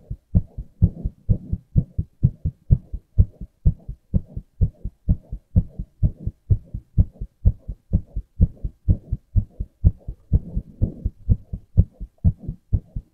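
Regular, rapid low thumping heartbeat, about 125 beats a minute, steady rhythm throughout.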